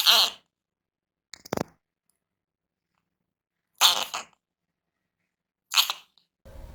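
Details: Cat with flu (feline herpes virus infection) among several infected cats, with nosebleeds reported from severe flu: three sharp, wet sneezes within a few seconds, with a small snuffle between; repeated sneezing from an upper respiratory infection.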